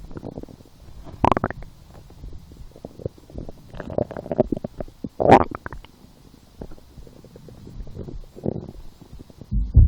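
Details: Stomach growling while lying down, felt as hunger after skipping breakfast, a small lunch and two doughnuts four hours later: irregular low gurgling and rumbling bursts with some louder squeaky surges; borborygmi.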